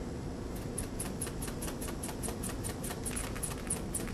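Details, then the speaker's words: Rapid, regular squeezing puffs of a hand bulb, about four a second, inflating an arm blood pressure cuff while palpating the radial pulse to find where it disappears, as part of a vital signs demonstration. "so I'm going to slowly and very small increments inflate this cuff by puffing this bulb very gently"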